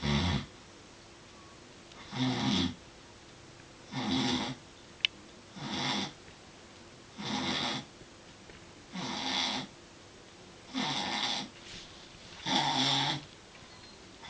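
Loud, regular rasping snores with quiet gaps between, about 7 in 14 seconds, roughly 30 a minute.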